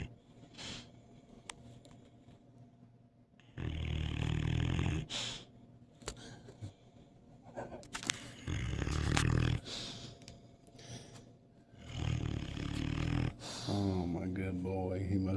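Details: Snoring in a sleeping large Cane Corso dog: loud, low rumbling snores recurring with each breath, with quiet gaps between.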